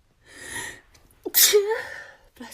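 A breathy intake, then a sharp, explosive sneeze with a short voiced tail. A single sneeze.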